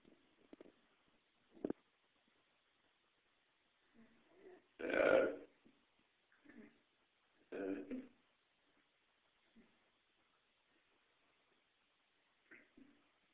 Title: Burping and everything else!